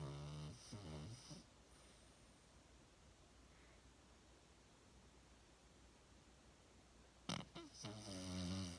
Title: Cuddling and snoring with eyes open 😧